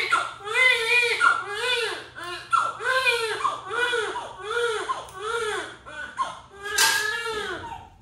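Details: Repeated loud, rising-and-falling wails with short breaths between: vigorous cry of a newborn just after a normal vaginal delivery attended by a midwife.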